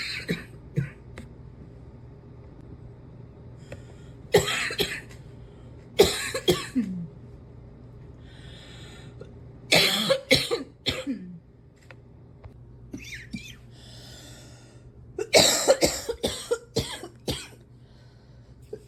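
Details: Adult with a cough still lingering: repeated harsh cough bursts in clusters, with quiet breaths between.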